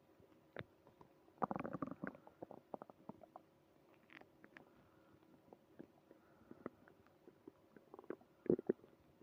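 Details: Bowel sounds (borborygmi).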